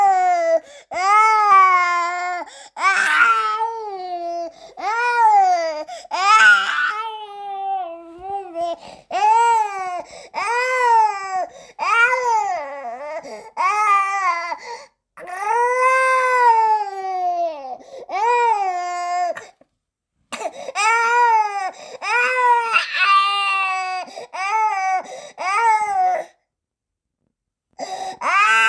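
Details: A newborn cries in repeated rising-and-falling wails, each lasting one to two seconds, with brief gasping breaths between: newborn crying.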